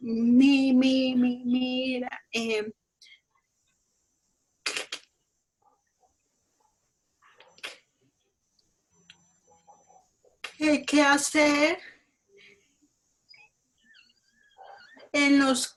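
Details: Colombian woman who stutters, speaking Spanish in a stuttering support group; she reports her voice cutting off when she speaks; stuttering.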